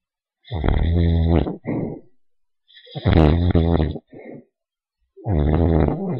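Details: Small dog asleep, loudly snoring: rough, rumbling snores, each long drawn breath followed by a shorter one, in a quiet room.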